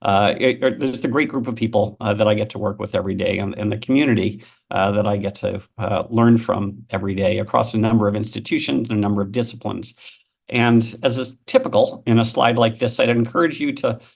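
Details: Adult male speaker; ordinary speech.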